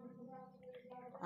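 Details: Sick rooster (jago) with sudden ngorok/flu during cold rainy weather, being treated with capsule powder: brief wet, gurgling rattle with steady buzzing tone, mucus-laden breathing; wet respiratory rattle (coryza).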